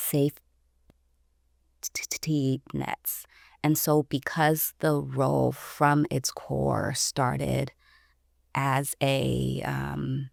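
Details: Stuttering in an adult woman who identifies herself as a person who stutters.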